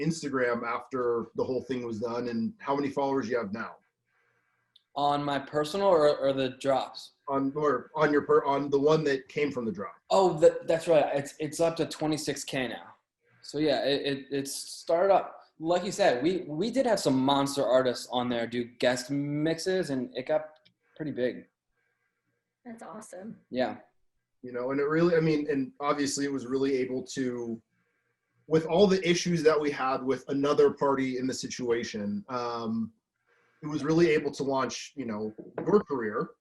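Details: Stuttering in an adult man who says he has had a stutter his whole life, since childhood.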